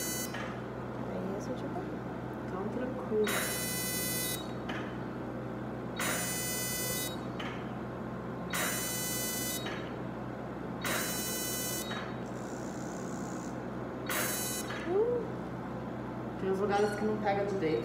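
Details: CO2 laser treatment of acne scars on the face, with the patient feeling deep warmth: repeated high electronic buzzing bursts about a second long, a few seconds apart, as the laser fires; faint room sounds between.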